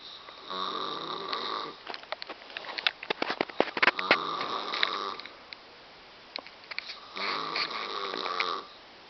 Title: Snoring Mom